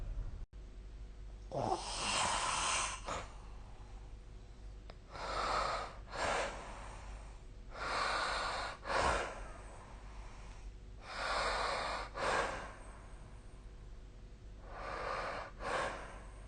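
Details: Regular rattling snores, each with a snort at its end, about four breaths a minute, over steady room hum; snoring during sleep.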